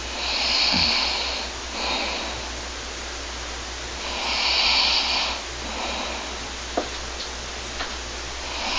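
Slow, noisy, rasping breaths during sleep, rising and falling roughly every four seconds over a steady room hiss: snoring.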